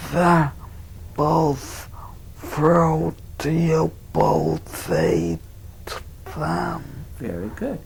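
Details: Receptive (Wernicke's) aphasia: fluent speech devoid of meaning, with neologisms, sentences lacking nouns and paraphasias; the patient is usually unaware of the deficit.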